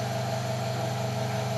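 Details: Open-system suction machine used for oral suctioning of an infant, catheter inserted from the corner of the mouth, in a pediatric suction procedure demonstration: steady low motor hum with a constant tone.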